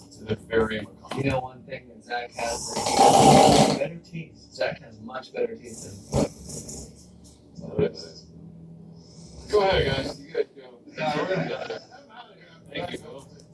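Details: A husband's snoring: loud, rough snoring bursts on breathing in, separated by quieter breaths and scattered room noises.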